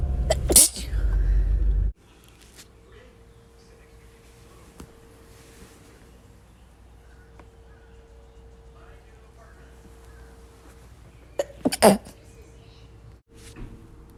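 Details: Two sharp sneezes from a female, one at the start and one near the end, separated by quiet room hum; spring seasonal allergy sneezing.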